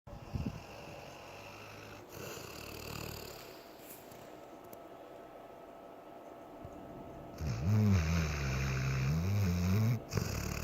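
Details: Sleeping pit bull ("pibble") dog, twitching while dreaming: soft rumbling snores, then a louder stretch of low, wavering snorts with a few twitchy noises. Snoring.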